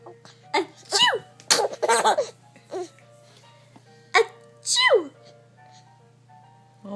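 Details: A young girl sneezing and coughing: several short, sharp sneeze bursts with high voiced breaths between them, while her little sister laughs, with some background music.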